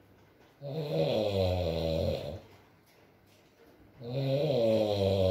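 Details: A sleeping adult male (boyfriend) gives two loud, low, rattling snores about three seconds apart, with quiet breathing between them, in a small quiet room: snoring.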